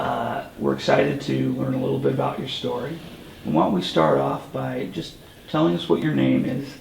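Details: Adult male interviewer; typical voice.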